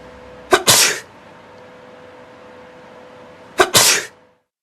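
Two sharp sneezes, each a quick intake catch followed by a forceful hissing burst, with a steady hum in the background.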